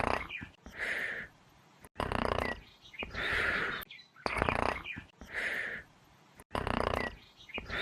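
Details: Simulated snoring, a game sound effect for a cartoon elephant character: rough rattling snores on each inspiration, about four cycles in eight seconds, with short quieter expirations.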